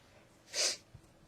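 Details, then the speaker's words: Person with a cold who can't stop sneezing sneezes while on the phone booking a doctor's appointment: a single sharp, hissing burst of air lasting a fraction of a second. "Yeah. I just can't stop sneezing."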